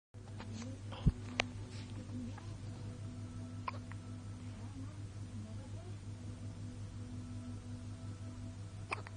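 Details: 26-day-old newborn baby: a few short, sharp hiccup jolts with long quiet gaps between them over a steady low room hum; hiccups.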